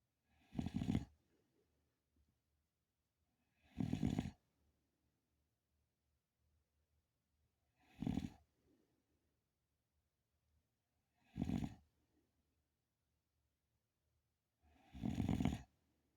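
Five loud rough snores at regular intervals, about one every 3.5 seconds, roughly 17 a minute, with quiet in between; snoring.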